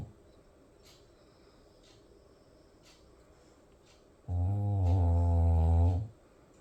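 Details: A single long, loud, droning snore on the in-breath after a quiet stretch: heavy snoring during sleep, heard every night.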